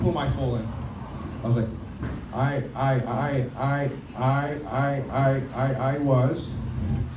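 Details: Adult male stand-up comedian who stutters, performing live on a microphone; he says his stuttering is sometimes reduced on a microphone; stuttering.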